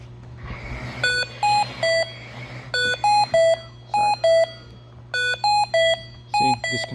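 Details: Hamilton T1 ventilator, patient with stiff, low-compliance lungs (compliance 23): repeated groups of three electronic tones in a small room, a low minute volume alarm.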